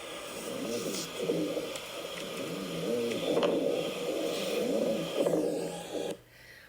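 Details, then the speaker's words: Rhonchi in a nursing lung auscultation demonstration: low, coarse snoring-like rumbles through the breaths from the large airways, best heard over the trachea and main stem bronchi, clearable by coughing or suctioning. "the thing is with ronai is that you can clear it and you can clear it with a cough um or you can suction it out"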